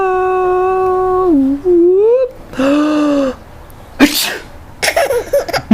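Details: Sneezing: high whining vocal sounds, followed by a sudden explosive sneeze and a second noisy burst, in a small room.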